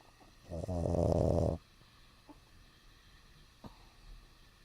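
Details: One loud, rattling, buzzy snort-snore lasting about a second, then quiet breathing, from a dog snoring while awake with eyes open.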